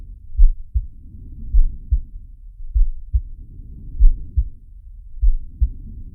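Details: Sharky's heartbeat and breathing sound, from the Zig and Sharko cartoon: steady paired low heart thumps at about 50 a minute, with soft breath noise rising and falling between beats.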